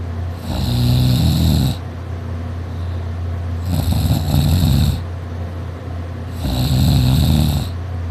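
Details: Person asleep on a couch, napping, snoring loudly "like a chainsaw" and drooling, sore throat afterward: loud, harsh, low rattling snores on each in-breath, three in about eight seconds, over background hum.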